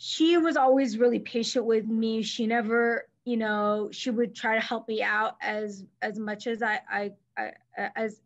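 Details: Adult woman who stutters, herself a speech-language pathologist; mainly silent blocks when younger, later fillers, with covert periods; here part-word and word repetitions; stuttering.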